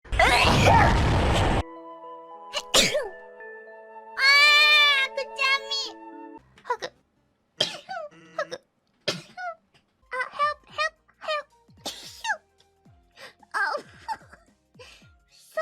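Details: Hololive VTuber: a loud burst of sneezing amid music and chatter, followed by an apology; sneezing.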